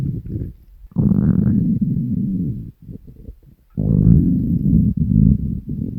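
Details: Hungry stomach growling (borborygmi) recorded from the uploader's own stomach: low, drawn-out gurgling growls with short bubbling breaks.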